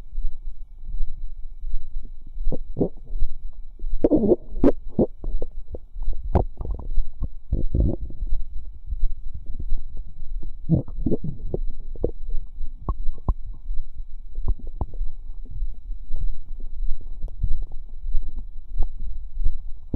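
Irregular low gurgles, bubbling and squelching pops from the abdomen, with a faint steady hum behind them; ordinary bowel sounds.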